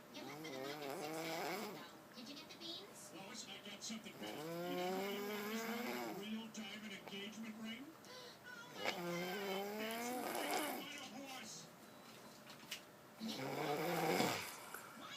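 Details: Slow, irregular rumbling snores with groaning tones, roughly 14 a minute, over room noise: snoring.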